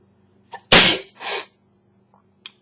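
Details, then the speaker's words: Person hit by an unplanned sneezing attack while texting: quick in-breath, then a loud explosive sneeze followed by a softer trailing exhale. A single sneeze within a sneezing attack. "ah I just sneezed again"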